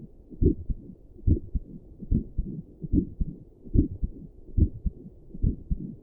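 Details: Own heartbeat at rest, sitting at a desk, recorded with doppler plus stethoscope audio: steady, regular paired low thumps at about 72 beats a minute; normal heartbeat.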